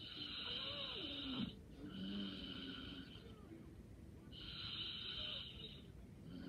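Two soft, hissing snoring breaths over room noise; light snoring.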